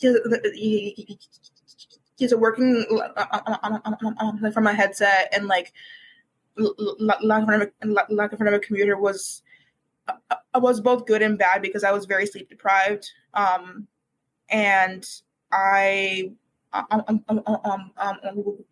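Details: University student who has stuttered for as long as they can remember and began speech therapy in kindergarten, speaking as a podcast guest; frequent repetitions and fillers; stuttering.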